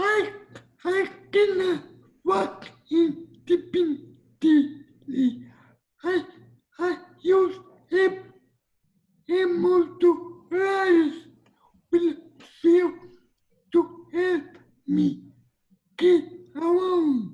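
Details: Dysarthria in a 22-year-old man with cerebral palsy, whose speech is noted as different.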